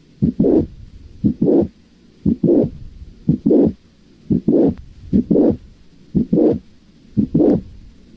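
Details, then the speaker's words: Mitral valve prolapse: midsystolic click followed by a late systolic murmur that grows louder toward the end of systole, from mitral regurgitation of blood into the left atrium, best heard with headphones. "vamos a escuchar el soplo del prolapso válvula mitral también es recomendable que lo escuchen con audífonos o i"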